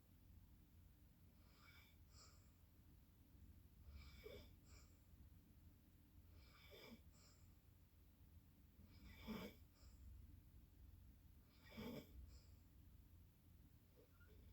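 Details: Recurring soft snoring noises repeating every two to three seconds under a steady low hum in a small room: snoring.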